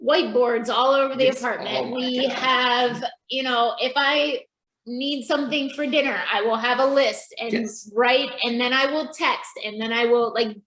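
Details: Adult woman; normal speech.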